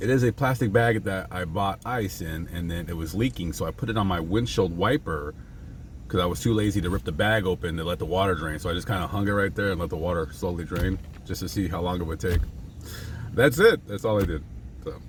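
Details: Adult male speaker; no disorder.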